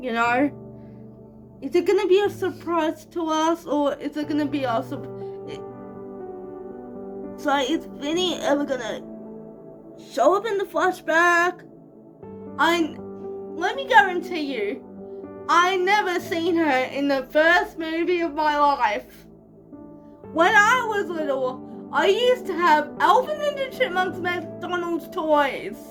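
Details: 25-year-old woman with cerebral palsy, real, speaking casually to camera: dysarthric speech in cerebral palsy.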